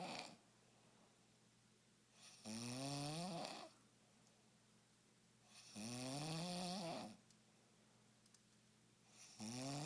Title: Snore-O-Rama!